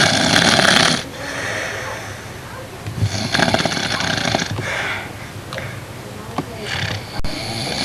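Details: Harsh, snorting, uneven snores and noisy breaths from a sleeping father who claimed he didn't snore, with some room noise; snoring.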